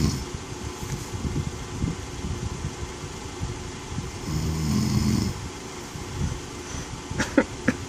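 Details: Husband snoring.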